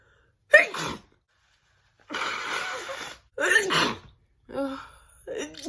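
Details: Allergic sneezing from a hay fever sufferer: several forceful sneezes and a long nose blow, with sniffing between bursts.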